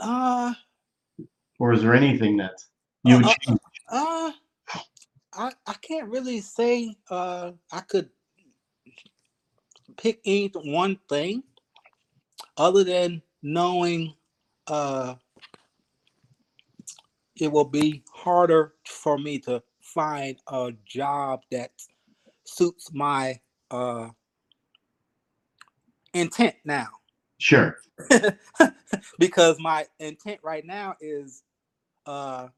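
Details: 52-year-old man, 3 years after an ischemic stroke, still working on his speech, in a real conversation; aphasia.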